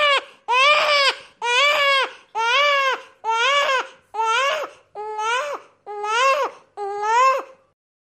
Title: FxProSound - Newborn Baby Crying (FREE SFX FOR TTS CREATORS)